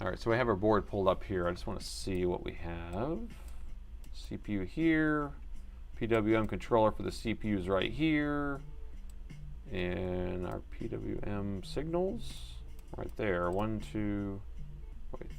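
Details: Adult man who says he stammers a lot and can't really get his words out, speaking during a live laptop-repair stream; stuttering.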